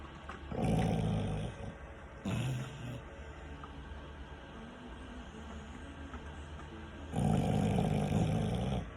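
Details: Loud, rumbling snores coming and going over several seconds from sleeping dogs, with rain and room noise behind: snoring.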